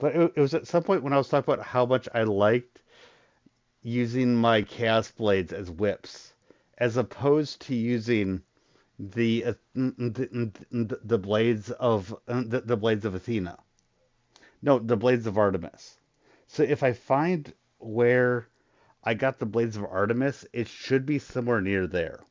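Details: Adult male with a very large stutter, controlled to a degree after a lot of voice therapy but still present: stuttering.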